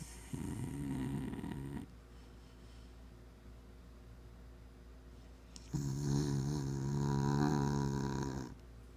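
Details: Sleeping Bull Terrier snoring: two long buzzing, fluttering breath sounds separated by a quiet gap; snoring.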